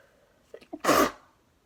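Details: Very wet sneezes from a run of 22 sneezes with nose blowing in sweater weather: a few quick catching inhalations, then one loud explosive sneeze.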